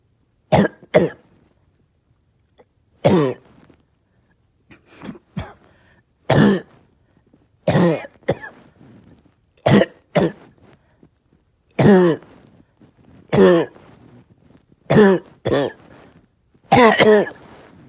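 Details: Adult with a bad cough all day, tired with chest pain: repeated harsh, voiced coughs, often in pairs, about fifteen in all; persistent forceful cough.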